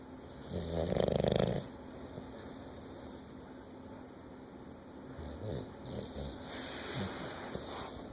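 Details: Snoring from a sleeping bulldog: short bursts of rattling, snorting breath noise with quieter breathing between.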